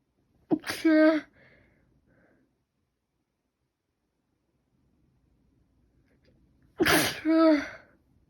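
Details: Repeated sneezing since the previous night with itchy, runny nose; cold or allergy uncertain: two separate sneezes about six seconds apart, each a sharp intake then an explosive voiced burst.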